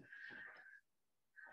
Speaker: sorry you can probably hear my dog snoring he's right underneath the screen because he has to be everywhere i am